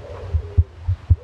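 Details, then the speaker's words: Border collie's heartbeat recorded with an iPhone microphone pressed to the wetted chest just under the front leg: four low, soft paired thumps in just over a second, steady rhythm; normal dog heartbeat. "if i uh press play it will play back everything it'll leave me talking at the start of it and uh then you'll be able to hear dog's heartbeat"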